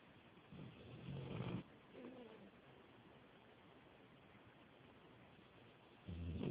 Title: My puppy snores hella LOUD